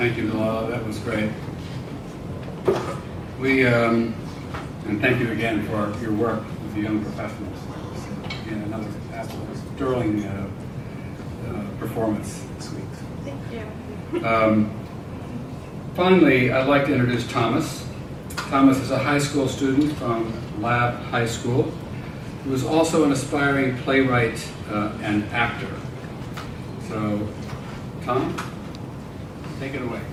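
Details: Adult male speaker; ordinary speech.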